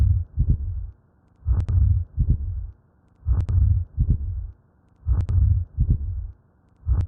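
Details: Simulated animation of an atrial septal defect: an ejection systolic murmur with a split S2 from delayed pulmonary valve closure due to increased right ventricular outflow, heard as a slow heartbeat with a rumbling systolic murmur.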